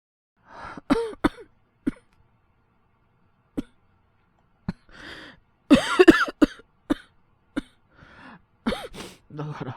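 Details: Acted cough-from-a-cold voice by a male voice actor playing a younger boyfriend: short voiced coughs in quick runs with pauses, soft throat sounds; simulated cough.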